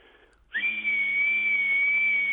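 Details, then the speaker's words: Man vocally imitating a dentist's drill: a steady, piercing high-pitched whine rising into a sustained tone. "but this is the sound of the dentist drill and we'll have the the dentist sucker as well open wide"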